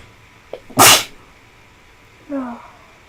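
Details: Feverish, unwell person with a tickly nose: a short intake, one forceful explosive sneeze, then a brief voiced sound afterward; sneezing.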